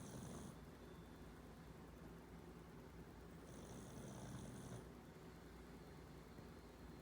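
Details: A sleeping dog, Miley, softly snoring.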